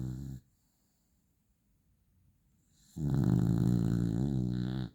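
Loud, low, buzzing snore on a long breath after a quiet pause; ordinary dog snoring.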